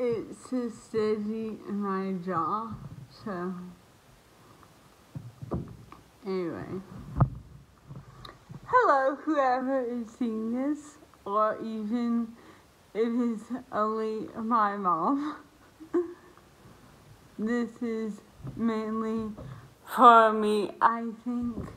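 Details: Woman who lost the ability to speak properly about a year and a half earlier due to an autoimmune reaction to a virus; dysarthria.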